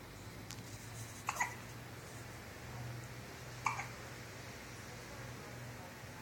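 Two short, sharp catches of breath, each with a faint follow-on click, over a steady low room hum; hiccups.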